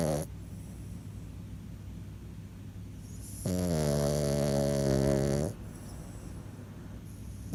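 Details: French Bulldog: steady rhythmic snuffling breaths with one long, loud, buzzing, vibrating snore; snoring in a flat-faced dog.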